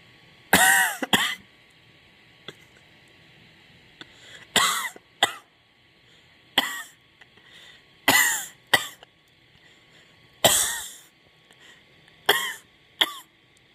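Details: Repeated harsh, forceful chest coughs in short pairs, about ten in all, from a person with a bad cough, with a steady hum in the background.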